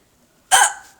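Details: Single sudden, sharp hiccup, an abrupt gulping catch of breath cut short after a silent pause, during a recurring bout of hiccups shortly after eating; hiccup.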